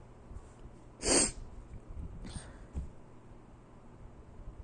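One sharp, explosive sneeze, followed by a softer hissing breath and a short snort.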